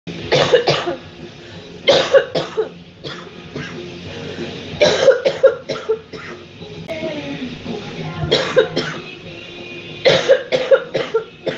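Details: Compilation of women coughing hard on live streams: repeated harsh cough bursts in short runs of two to four over steady background music.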